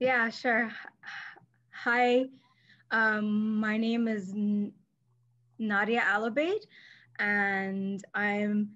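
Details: Adult woman who stutters, herself a speech-language pathologist; mainly silent blocks when younger, later fillers, with covert periods; here part-word and word repetitions; stuttering.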